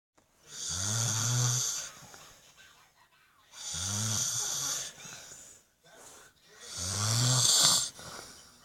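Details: Loud, rattling snores on each breath in, about three over eight seconds, with quiet pauses between, from a sleeping father; ordinary snoring during sleep.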